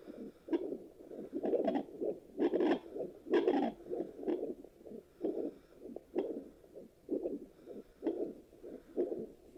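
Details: Fetal Doppler heartbeat check after delivery: a handheld Doppler picks up rhythmic whooshing pulses at about 64 per minute, a normal adult heartbeat.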